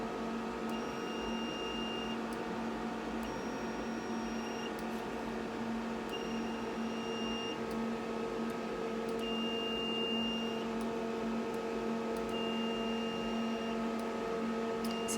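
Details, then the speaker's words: Venus Viva nano-fractional radiofrequency microneedling on a patient's face for texture, pigmentation and redness. Steady electronic hum with regular groups of high beeps while the needles penetrate the skin and deliver energy. The sound stops when delivery ends. "these leak little needles come in contact with the surface of the skin penetrate and then deliver the energy that's what we're seeing and hearing as these little lights go and the sound is continuing on once it stops is finished for delivering the energy"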